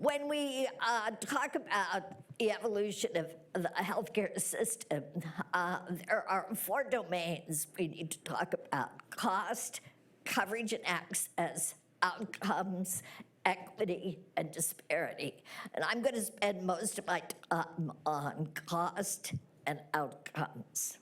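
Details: Spasmodic dysphonia in a woman treated with Botox, speaking when due for treatment; she reports sounding very breathy right after an injection.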